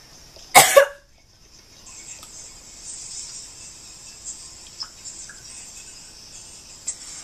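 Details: Acted cough, faked as coughing up blood in a prank: one loud, brief cough burst, then quiet background music and faint room sounds.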